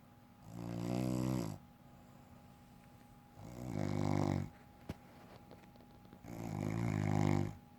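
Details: Adult woman (the poster's wife) asleep: three long, low rumbling snores on inhalation about three seconds apart, with quiet exhalations between; steady snoring during sleep.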